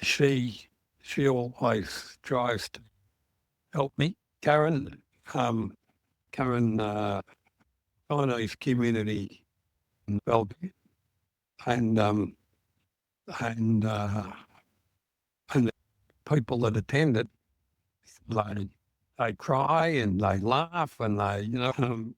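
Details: Adult male stroke survivor with aphasia whose first stroke was in April of the previous year, with word-finding pauses and fillers; aphasia.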